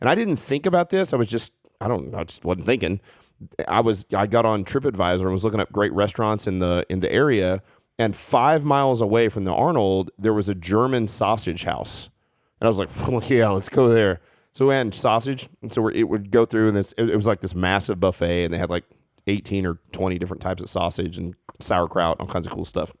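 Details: Adult man speaking; Normal conversational speech.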